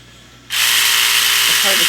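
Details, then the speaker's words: Quiet room, then a steady high buzzing whir: the Cellfina reciprocating micro-blade switched on to show it extending and retracting during cellulite treatment training; faint voice in the background. "see but did you see how it comes out and then it retracts so so it's a reciprocate reciprocating blade"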